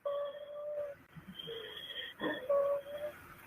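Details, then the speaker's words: Child with asthma (pediatric): high-pitched, musical expiratory wheeze on every exhalation, almost like whimpering, while wheezing and gasping for breath. "it gets worse and that's expiratory every time she's exhaling it almost sounds like she's whimpering it's so horrible"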